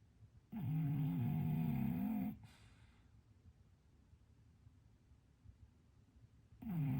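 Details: Sleeping English bulldog twitching, possibly dreaming, while snoring: long, low, rattling snores with a quiet pause between breaths; snoring.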